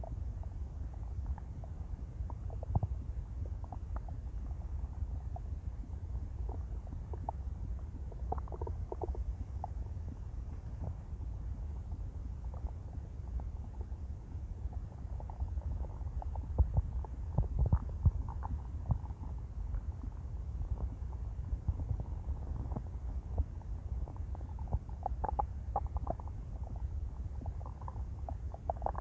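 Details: A hungry girl's empty stomach after an 18-hour fast makes low rumbling and gurgling hunger growls (borborygmi).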